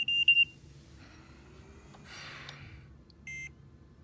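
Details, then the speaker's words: Philips Respironics Trilogy 100 ventilator, set up for invasive ventilation with an active circuit, being turned off and back on: short high electronic power-on beeps at start and near end, faint room noise. "okay from here we can actually turn it off and want to turn it back on"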